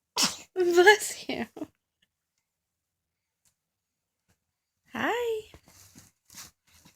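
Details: A short burst of voiced, breathy sounds, then a pause and a brief rising vocal sound, with nearby voices; likely a sneeze.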